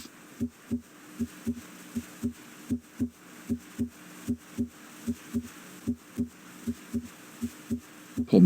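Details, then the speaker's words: Heart auscultation teaching example: regular paired heart sounds near 77 beats a minute. Normal S1 (mitral and tricuspid valve closure) and S2 (aortic and pulmonic valve closure). "before osculating the heart let's review normal heart sounds closure of the heart valves creates a pair of audible heart sounds"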